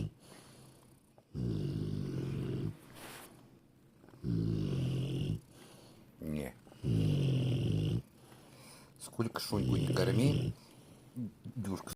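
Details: Loud rumbling snores on in-breaths, about 22 a minute, with snuffles and small room noises between; Dyusha snoring loudly: snoring.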